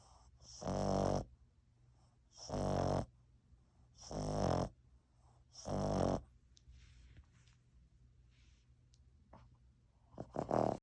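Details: Sleeping French Bulldog–Boston Terrier mix (Frenchton) puppy: four loud, rattling snores about every 1.7 seconds, then quieter breathing; snoring.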